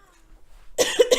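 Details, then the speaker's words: An adult artist drawing during a livestream gives two quick, harsh, dry-sounding coughs after a quiet stretch, then apologizes for sounding like an old man and wheezing. "sound like an old man sorry if I'm wheezing"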